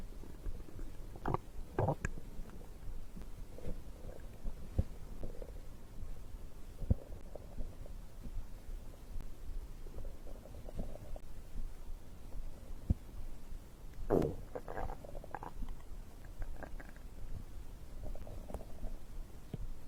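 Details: Soft low gurgles and rumbles coming and going over steady low background noise; stomach growling, ordinary digestive bowel sounds recorded after drinking a beverage.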